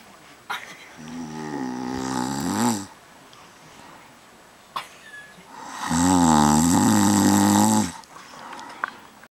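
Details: Snoring: two loud, rattling, voiced snores on the in-breath, separated by a quiet pause.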